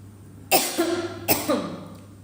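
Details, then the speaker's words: A singer coughs on request, giving two short, deliberate dry-throat coughs from an adult, each trailing into a brief voiced, almost tuneful sound. "Puji batuk pun merdu batuk pun berlagu"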